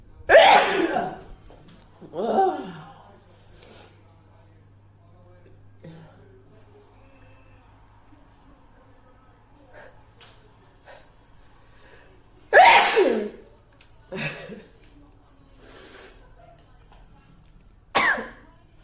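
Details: Several loud sneezes from a girl, some with a gasping intake before, separated by quiet pauses, during hay fever season; ordinary sneezing.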